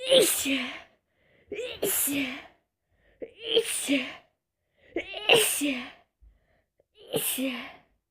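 Five separate sneezes over about eight seconds, each a sharp voiced burst with a breathy hiss and a short intake before it.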